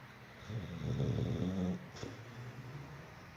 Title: Pitbull snoring like a grown man!!! My nephew Jax🤣